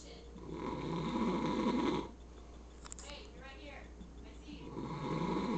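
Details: Loud rattling snoring from a sleeping adult man (the uploader's father): two noisy inhaled snores with a quiet pause between them.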